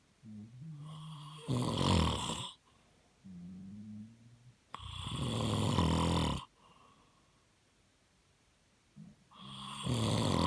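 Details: Loud, rough snoring on each breath with quieter breaths between, about 15 breaths a minute: snoring.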